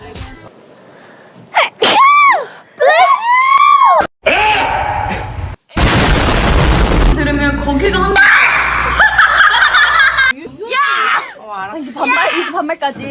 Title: Kpop idols funniest sneeze which make me choke 🤣❤ #kpop